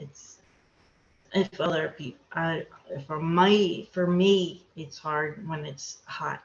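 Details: Aphasia in an adult woman after a hemorrhagic stroke; she could not talk for two years afterward and still has word-finding difficulty.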